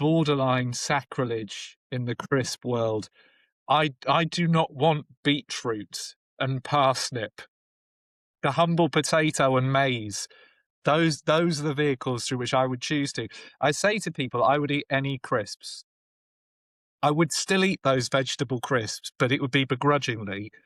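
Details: Adult male speaker; typical speech.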